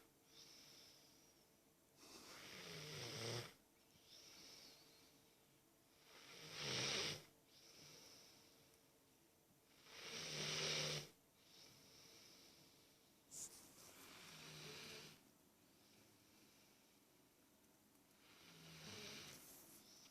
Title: Snoring snuggle king!